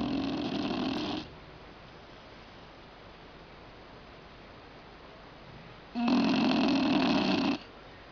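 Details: Snoring that gets even louder.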